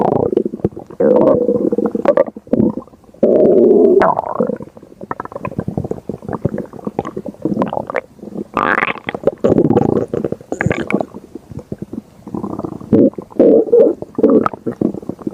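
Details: Stomach growling (borborygmi): loud, continuous gurgling and rumbling from the belly, rising and falling in long bursts.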